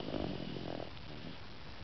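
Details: Woman snoring: a brief, low, rumbling snore fading into steady breathing noise.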